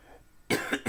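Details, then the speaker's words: Cough from an adult lecturer with flu-like illness, recorded during a class. "les pido disculpas por estar tomando mate pero como estoy con mucha tos porque estoy con un estado gripal el hecho de mantener la garganta no seca sino humedecida este me hace toser menos igual van a escuchar muchas toces seguramente en lo que va de la clase"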